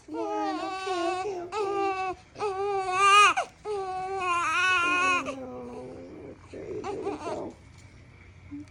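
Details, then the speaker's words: Newborn girl on her first full day after a C-section birth, crying loudly and high-pitched in repeated bursts with brief gasps, easing into softer whimpers, in pain response to a heel-prick blood draw for genetic screening. "This is a genetic screening they were doing where they had to prick her foot and get a little bit of blood."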